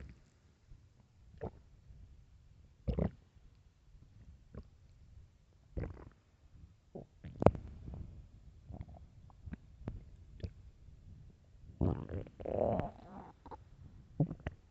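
Irregular low gurgles and rumbling bursts from the belly; stomach growling, ordinary bowel sounds often noticed with hunger.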